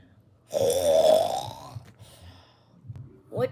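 One long, loud belch, then quieter rumbling sounds; a burp.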